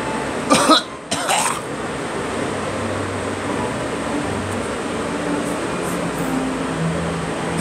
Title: Me coughing